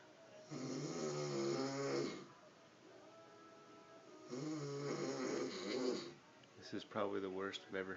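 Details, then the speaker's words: Sleeping adult man with a cigarette in his mouth: deep, buzzing snores on each breath in, with gurgling, choppy noises near the end; heavy snoring. "worst I've ever heard him snore. And that is one snoring son of a bitch."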